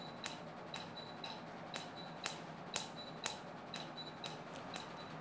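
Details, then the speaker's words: Spectra Q-switched laser (1064 main wavelength) firing during first-pass tattoo removal on a female patient under the R0 multi-pass protocol, with skin frosting: sharp snapping clicks about twice a second, each with a faint high tone. "there we go. That's exactly what you want to see after one pass with the uh laser."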